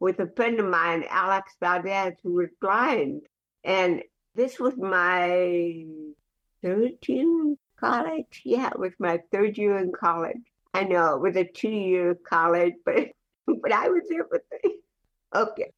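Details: Adult woman with cerebral palsy speaking in a real conversational interview; dysarthric speech in cerebral palsy.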